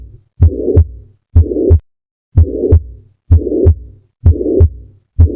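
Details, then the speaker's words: Holosystolic murmur at the apex, quiz example (usually mitral regurgitation or VSD): blowing murmur across all of systole, from beginning to end, filling the gap between S1 and S2, with a regular heartbeat near 64 per minute. "At the apex, you hear a blowing murmur that stretches across the entire systol. Beginning to end, it refuses to stop."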